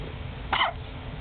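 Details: A single short, sharp gulping burst over quiet background from a baby about one month old, hiccuping while asleep; hiccup.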